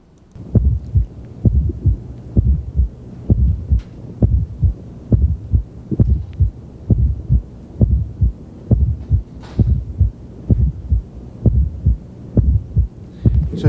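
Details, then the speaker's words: Unusually loud fourth heart sound (S4), a dull low-frequency thud just before S1 and the QRS, at a regular rate near 66/min; heard at the fifth interspace, midclavicular line, with the patient in left lateral decubitus. "now you'll probably never hear another fourth heart sound as loud as this which is why we recorded it it's usually a little more difficult to hear a fourth it's low frequency it's a very dull"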